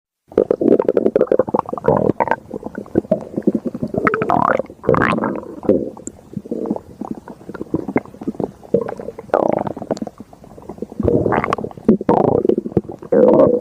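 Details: Stomach growling: long, loud, gurgling and rumbling bowel sounds running almost continuously, ordinary borborygmi.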